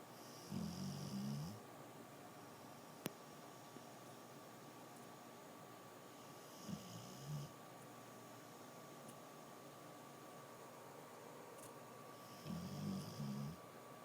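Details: Sleeping woman with soft, low snores, about three in fourteen seconds, each about one second long, over a steady room hum; snoring.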